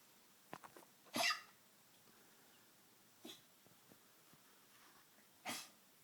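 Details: Tracheal cough in a Maltese over 13 years old with degenerative valve disease (murmur, enlarged heart, leaky valve): short, sharp, dry honking coughs, two stronger bursts among softer snorts. The cardiologist says the cough is not related to the heart disease.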